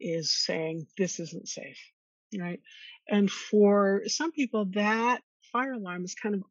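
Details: Adult woman who stutters and attended speech therapy growing up; stuttering.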